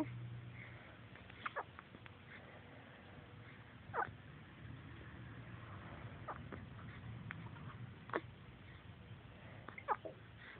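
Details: Hiccuping: brief, sharp hiccup catches recur every couple of seconds, about five in ten seconds, over a steady low room hum. Hiccups.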